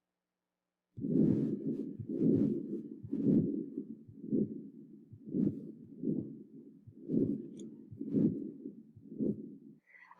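Heartbeat near 57 a minute with a continuous whooshing murmur swelling and fading through each cycle like waves: a systolic-diastolic murmur. Brief voice at the end.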